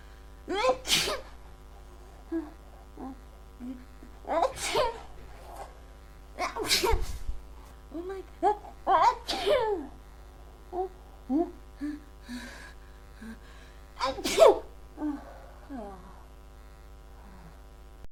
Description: I don't know why I keep sneezing... Is it a cold or my allergies?